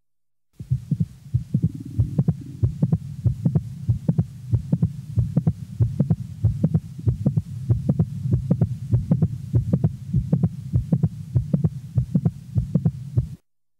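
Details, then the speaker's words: Normal 20-year-old female with a typical mid-systolic click: regular heart sounds near 95 a minute with a sharp extra click in mid-systole; mid-systolic click. "listen now as a click is introduced during systole and then withdrawn the next example is that of a normal 20 year old female with a typical mid-systolic click"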